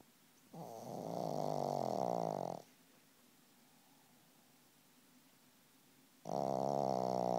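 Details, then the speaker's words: A person snoring right into the listener's ear: long, buzzing, vibrating snores on the in-breath, close to the microphone, with quiet pauses between; ordinary snoring. "do you have to do that right in my ear? Huh? You gotta snore right in my ear? Huh? Turn over."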